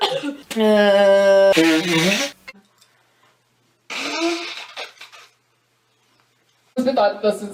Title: Female Germans sneezing and blowing her nose